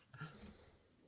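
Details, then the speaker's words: Dog snoring loudly while asleep, said to sound like an idling motorcycle; a single low rumbling breath heard faintly in a small room. "my dog's snoring his head off man can hear it can you yeah a little bit can you hear it from there wow sounds like an idol motorcycle"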